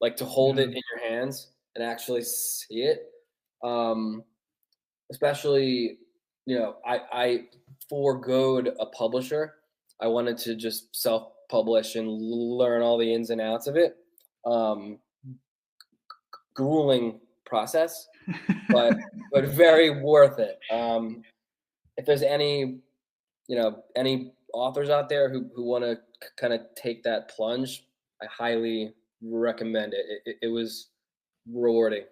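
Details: Stuttering in an adult male author who has stuttered since childhood, which he calls a speech impediment.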